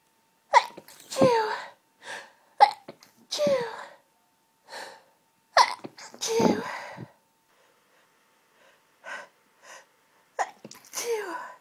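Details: Intense half-stifled sneezing fit, going on 20 minutes, nose tickly and congested: about six forceful, partly held-back sneezes with sharp gasping in-breaths between.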